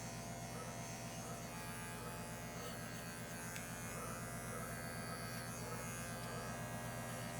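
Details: Steady buzzing hum of electric clippers clipping fur on an anesthetized, intubated 17-month-old intact male Labrador Retriever mix, preparing the prescrotal incision site for neutering; electric clippers.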